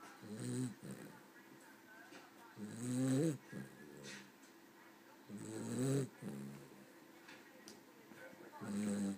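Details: Sleeping Cavalier (small dog) resting after a long day: rhythmic, rattling snoring with about three loud breaths in nine seconds and quieter ones between.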